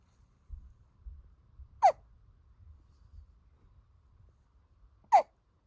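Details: Newborn to 2-month-old baby hiccuping: two sharp, brief hiccup sounds about three seconds apart in a quiet room, with soft breathing between them.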